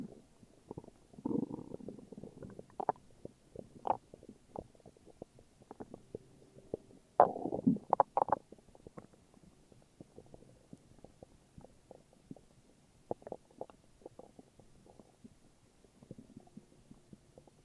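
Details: Ordinary morning stomach growling: quiet gurgles, pops and low rumbles scattered irregularly; borborygmi.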